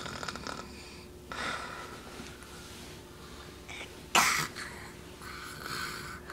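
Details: Young child on a changing table playfully imitating snoring, making a few noisy snore-like breaths through nose and throat; imitated snoring.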